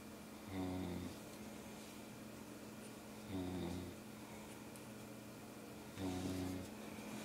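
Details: Three loud, buzzing snores on inhalation about every 2.7 seconds, roughly 22 a minute, with steady room hum between them: snoring.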